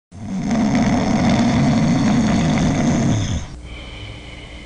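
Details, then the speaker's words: Long, low, rough rattling snore fading out at the end, with faint background music; snoring caused by vibration of the soft palate and uvula. "el ronquido es causado por la vibración de estas dos estructuras el paladar blando y la úvula"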